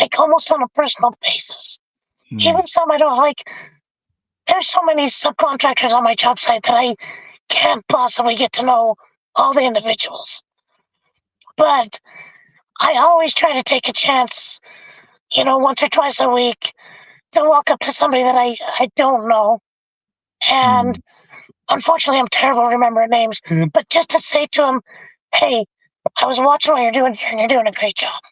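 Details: Adult male with vocal fold paralysis from a four-wheeler accident at age 25 that split his trachea and tore his oesophagus; had a tracheostomy removed after two months, scope still shows paralysed cords; has spoken this way for over 25 years.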